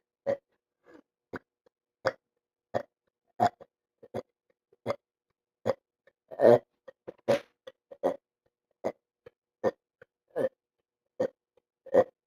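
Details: Male who won't stop burping: repeated short, gulping belch-like bursts, roughly 77 a minute and irregular, in a quiet room; repeated burping.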